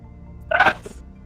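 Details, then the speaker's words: A single brief, forceful burst of air with a short trailing exhale over soft background music; only the tail end of the speaker's sneeze was caught; sneeze. "i was about to sneeze and i said i'm about to sneeze and then i sneezed"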